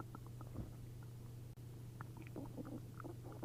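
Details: Upset stomach after drinking a liter of milk and a liter of prune juice: frequent gurgling and bubbling over a steady low hum, giving active, hyperactive bowel sounds (borborygmi).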